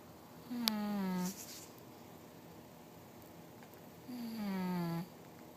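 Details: Female snoring loudly enough to compete with air-conditioner noise: two long, droning snores on breathing in, falling slightly in pitch, with quiet pauses between them.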